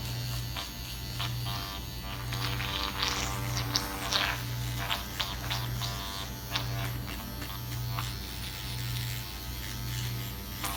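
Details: Self-microneedling of the nose with a Dr. Pen A7 (12-pin, 34-gauge) at 0.25 mm depth, face numbed with lidocaine: steady low electric buzz of the pen with soft background music.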